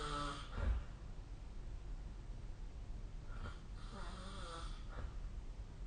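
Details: Snoring during sleep, recorded with the SnoreLab snore-tracking app: low, rumbling snores on the in-breath, spaced several seconds apart, over steady room hum.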